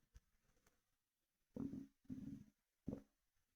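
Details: Stomach rumbling with a Monster energy drink sloshing, recorded for headphones: faint clicks, then three low gurgling rumbles, normal bowel sounds.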